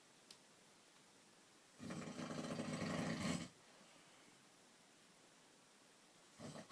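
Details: Adult man (dad) snoring loudly enough to be heard from downstairs: a rough, fluttering snore of nearly two seconds, then quiet room noise and the start of another snore.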